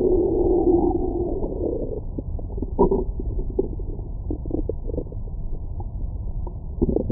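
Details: Stomach growling after a large meal, recorded over the belly with a Stemoscope stethoscope microphone: muffled gurgling and bubbling, a brief squeaky tonal growl at the start, and scattered pops; ordinary bowel sounds.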